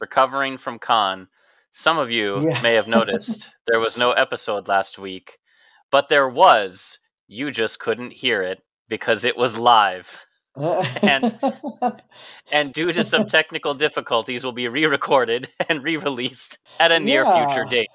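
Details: Adult speaker; normal voice.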